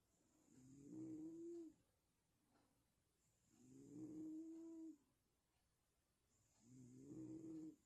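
Three slow, regular snores with a low fluttering tone on each breath in, about 19 a minute, and quiet pauses between them.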